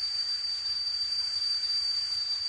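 A steady high-pitched whistle over hiss, simulating the tea-kettle type of tinnitus.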